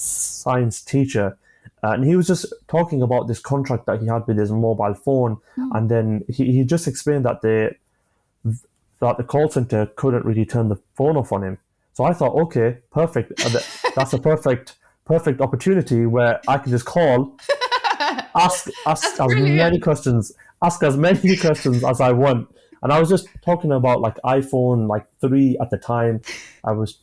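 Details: A 25-year-old male who has stammered since childhood; stammering.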